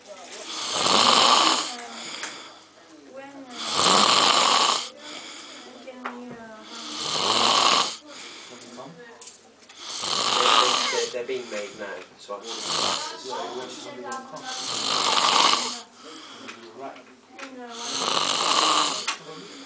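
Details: Adult man snoring heavily: loud, rough, rattling snores on each breath, about 19 a minute, with fainter fluttering sounds between.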